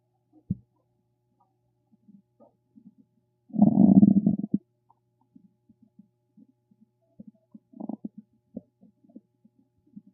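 A low gurgling rumble of about a second, among scattered soft gurgles and pops. Ordinary bowel sounds.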